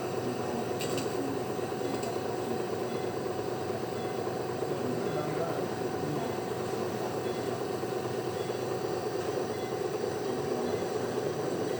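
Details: Nebulizer compressor running with a steady loud mechanical hum and rattle, no breaks, during hospital steam treatment of a baby girl for cough and shortness of breath; she sleeps through it after a poor night's sleep.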